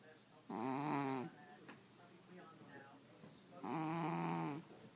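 Two long, buzzing snores with a quiet gap between them: snoring in a sleeping cat.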